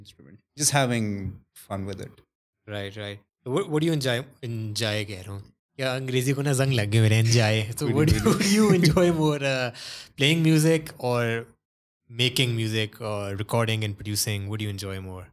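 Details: Adult male speaker; normal speech.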